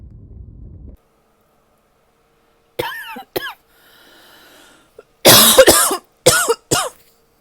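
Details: Adult with fall allergies causing chest tightness, not sick, coughs in two short groups of harsh voiced coughs, about six bursts in all, separated by quiet pauses.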